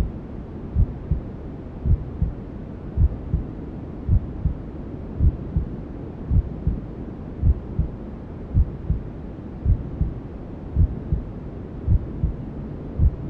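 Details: Newborn sleep-aid womb sounds: soft, steady low heartbeat thumps about 54 a minute under constant white noise hiss, a mother's heartbeat and belly sounds as heard from the womb.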